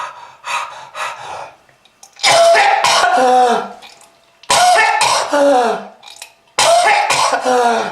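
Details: Smoker's cough, in a video warning about smoking and lung disease: repeated harsh, wet-sounding coughing bouts with strained voiced groans between them.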